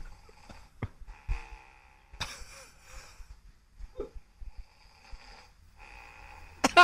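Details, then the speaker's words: A person's loud, rough, rattling snoring, recorded and played back on a radio morning show with room noise; compared to a huge cat purring, with harsh, forced inhalations said to be the worst part. "Kicsit olyan volt, mintha egy ilyen irgalmatlan nagy macska dorombolna. És nem is a horkolós rész, hanem a beszívás a szörnyű, hogy a levegőt vesz, ugye?"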